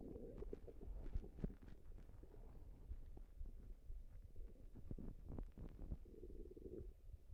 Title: Stomach noises and and a burp at the end for you guys